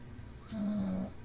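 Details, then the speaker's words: Dog snoring audible in the background while people talk indoors; snoring. "you can hear snor oh we can hear snoring again wait listen that's a dog snoring"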